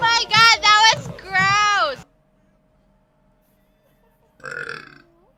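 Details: Female streamer: two loud, drawn-out voiced burps, a pause, then a short shout and cheer: deliberate belching.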